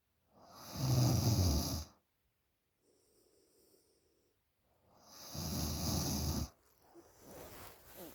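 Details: 20-year-old girl asleep, snoring very loudly: two loud, rough snores on breathing in, with a quiet breath out between them, at about 15 breaths a minute.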